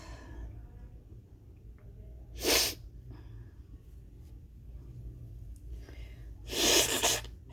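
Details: Huge sneezing fit, stifled: two short, muffled hissing bursts a few seconds apart, sneezes held back rather than let out, over quiet room noise.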